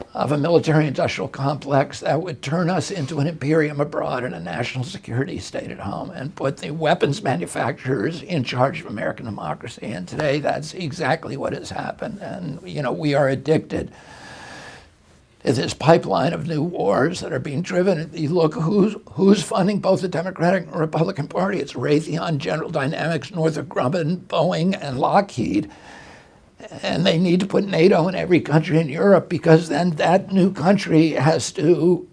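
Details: Adult man with spasmodic dysphonia. He had a very strong voice until age 42, then a neurological injury in 1996; he says the cause is his brain sending wrong signals to his vocal cords. Spasmodic dysphonia.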